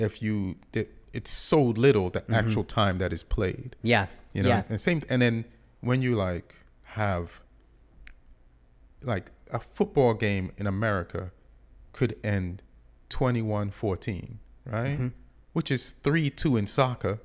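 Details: Adult man; typical speech.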